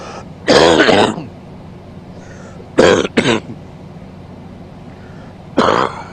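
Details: Adult man coughing during sleep: four harsh, voiced cough bursts, two close together, separated by quiet pauses.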